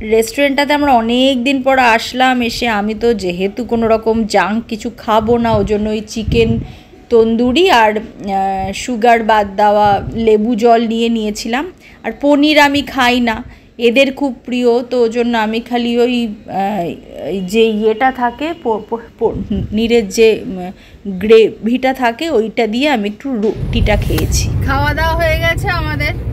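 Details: Adult female who reports stammering issues, with occasional difficulty speaking; stuttering.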